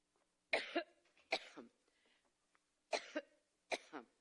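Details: A woman has a brief coughing fit during a campaign speech in Iowa: four sharp, dry coughs, mostly in pairs, with quiet room noise between; cough.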